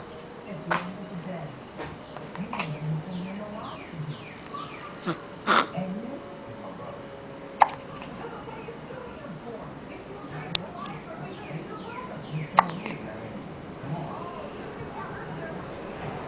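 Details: An infant with hiccups: about six short, sharp hiccups a few seconds apart, with soft baby sounds between.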